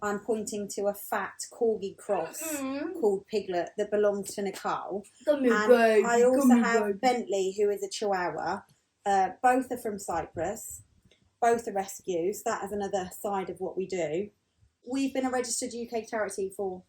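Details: Adult woman speaking; typical speech.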